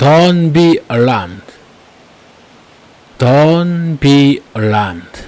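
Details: Deliberate, voluntary stuttering while reading aloud in English, with some sounds purposely repeated; voluntary stuttering.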